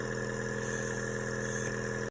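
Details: Steady mechanical hum and buzz of a PARI JuniorBOY SX compressor nebulizer running continuously, used at home to treat a severe cough.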